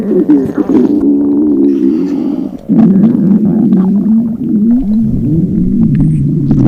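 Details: Long, loud, wavering low gurgling growl lasting several seconds; acted hunger stomach growling of a dieting girl during a gravure photo shoot, a normal bowel sound.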